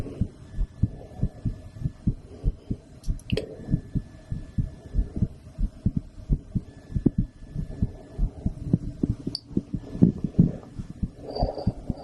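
Steady, regular low thumps of a heartbeat through a stethoscope, roughly 100 beats a minute, with faint scraping handling noise.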